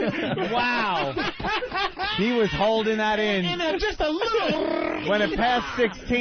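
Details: A rapid burst of loud, wordless vocal sounds and grunts from a comedian with Tourette syndrome, released after holding back his vocal tics for a timed challenge.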